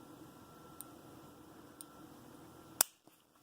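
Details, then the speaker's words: Faint evenly spaced ticks about a second apart, then a sharp snap as an insulin pod, pressed Start on the controller, inserts its cannula into the child's pinched-up belly or arm during a pod change. "go ahead and press Start go ahead so Ellie just press Start you can hear it clicking"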